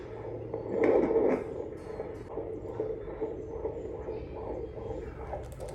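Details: Fast, rhythmic whooshing fetal heartbeat over static, heard on a handheld home fetal Doppler with aloe vera gel, used by the pregnant woman herself while sitting, late in pregnancy.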